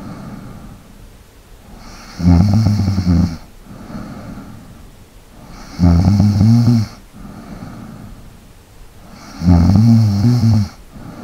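Loud, rattling snores about every three and a half seconds, with quieter breaths between them; about 17 breaths a minute.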